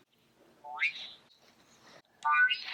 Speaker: take them out they're whistling like crazy then you have to push your buttons i don't know if they're off